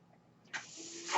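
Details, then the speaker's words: Real podcast recording in which the speaker, during his opening, explains that the noise heard is his own ventilator; a quiet pause, then a sudden steady rushing hiss of air as the ventilator delivers a breath; mechanical ventilator breath sound. "way ventilate and welcome to page turners"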